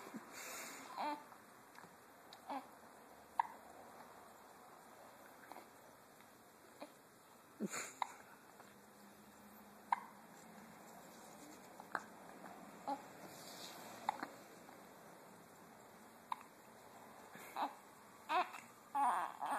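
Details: A 2-week-old baby boy with hiccups: repeated short, sharp catches with soft baby sounds over quiet room noise.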